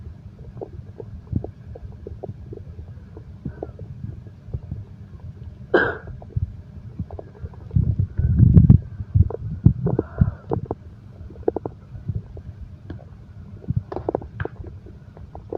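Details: Low gurgling abdominal rumbles with scattered clicks and a few louder gurgles, typical stomach growling (borborygmi), in an insomnia-relaxation recording combining heartbeat and stomach growl sounds.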